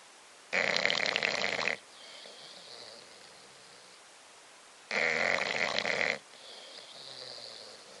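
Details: Snoring from Bobby, a bulldog: two loud, harsh, rattling snores on the breath in, about four seconds apart, each followed by a softer hissing breath out.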